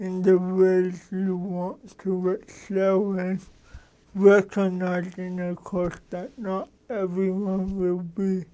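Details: Adult man with cerebral palsy, a lawyer; dysarthric speech in cerebral palsy.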